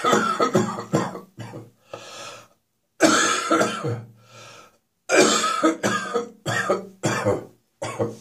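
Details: Morning cough, now becoming slightly drier: repeated bouts of harsh, hacking coughs, about a dozen in quick runs with brief pauses, first thing in the morning.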